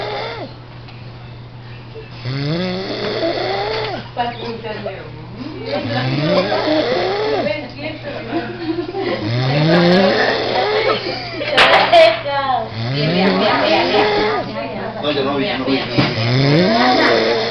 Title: funny video man snoring like a cow